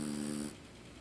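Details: Yorkie named Teddy snoring while asleep: a brief buzzing, slightly whistling sound fading after half a second.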